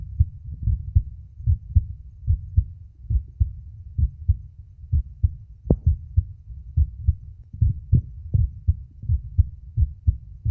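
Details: Adult male's own heart recorded with a phone microphone at the chest auscultation sites: steady, regular low lub-dub thumps at a resting rate with no added sounds; normal heart sounds.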